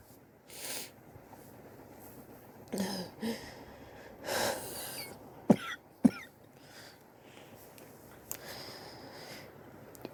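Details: Own cough, recorded over several weeks; sore from coughing, suspects bronchitis but unsure, chest x-ray planned to check for pneumonia: scattered sharp, harsh coughs with some throat noise in a quiet room.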